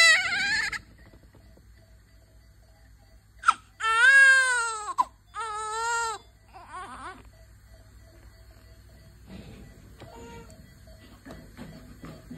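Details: Newborn baby after birth, said to be hungry, hand held up: several short, high-pitched crying bursts with quiet room noise between them; ordinary newborn cry.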